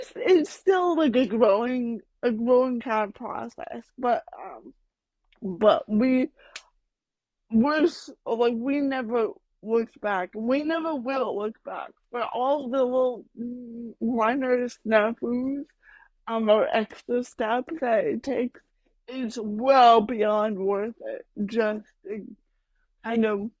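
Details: Adult woman with mild cerebral palsy, which she says mainly affects her speech and motor skills, speaking in a real podcast interview; mild dysarthria (cerebral palsy).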